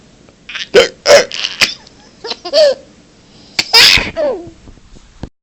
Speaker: oh my I have the hiccups I have a bad case of the hiccups oh my God I can't stop hiccup it won't stop the hiccup monster has me